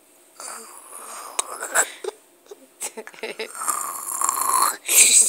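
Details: Young boy fake snoring while pretending to sleep: deliberate, exaggerated snoring noises with short breathy snorts and mouth sounds, an imitation of snoring, not real sleep breathing.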